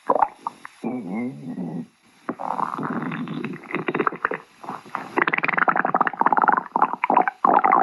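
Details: Stomach growling (borborygmi).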